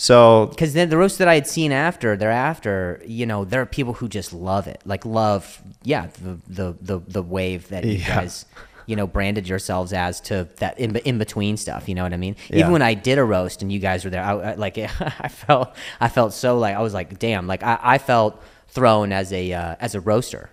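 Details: Stuttering in an adult male comedian known for his stutter, in spontaneous speech with word and phrase repetitions.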